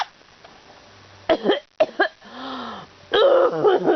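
A few sharp cough and sneeze bursts, followed by an infant's vocal laughing sounds.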